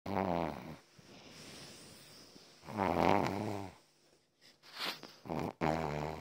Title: My Dog Snores Really Loud! #shorts